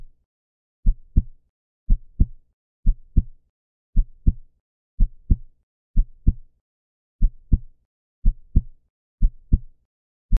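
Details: Heartbeat sound effect: steady paired lub-dub beats at about 64 a minute, a regular normal heart rhythm.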